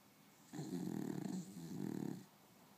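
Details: Beagle asleep during an afternoon nap, in REM sleep: two rumbling, vibrating snores with a faint growly quality; ordinary dog snoring.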